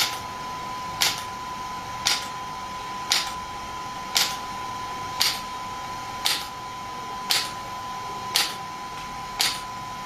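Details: Sharp, regular clicking pulses about once a second (about 57 a minute) over a steady faint tone: an SW5S shockwave therapy device firing after gel is applied, with the patient's feet placed up. The device is used for ED and plantar fasciitis.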